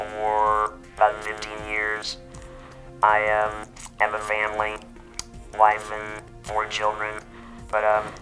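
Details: Total laryngectomy about 15 years ago in a man who uses an electrolarynx and also esophageal speech; electrolarynx speech after total laryngectomy.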